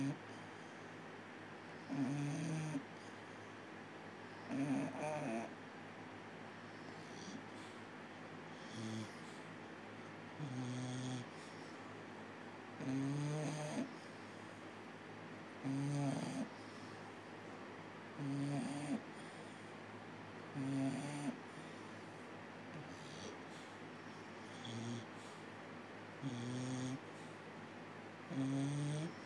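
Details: Bulldog asleep in owner's lap snoring in steady rhythmic bursts, about 22 to 24 breaths a minute.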